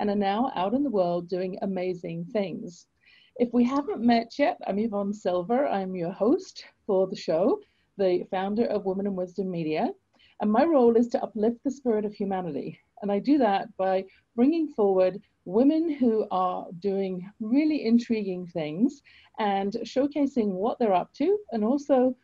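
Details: Adult woman speaking; normal speech.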